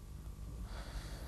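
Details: Normal deep breathing in a healthy adult man during teaching-film respiratory examination, stethoscope auscultation of the chest, comparing side to side and including the axilla.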